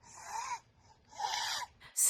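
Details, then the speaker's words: Two harsh, high-pitched, tight inspiratory stridor sounds from a child with croup. "Croup can also cause a sound called stridor, which is a harsh, high-pitched, tight sound heard right here."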